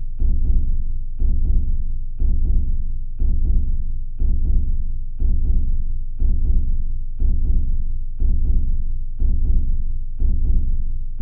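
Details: Steady, deep lub-dub heartbeats at about 60 a minute, an even rhythm; slow heartbeat.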